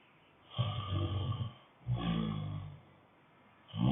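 Two long, low, rattling snores with quiet pauses between, and a third starting at the end: snoring on breathing in during sleep.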